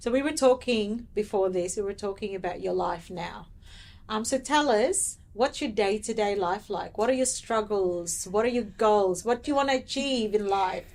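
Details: Adult woman speaking; Normal speech.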